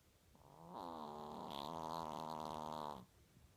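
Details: Chihuahua snoring very loudly: a loud, drawn-out, buzzing vibration on a single breath lasting over two seconds.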